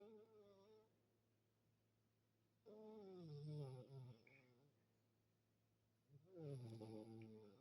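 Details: A sleepy female making long, groaning, voice-like snores with rising and falling pitch, separated by quiet pauses; unusual moaning snoring.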